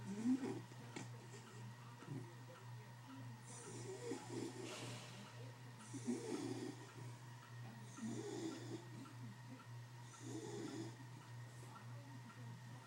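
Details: Soft, regular snoring breaths about every two seconds, roughly 28 a minute, over a steady low hum, from the smallest one, said to be the loudest; snoring.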